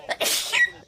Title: Sneezing Compilation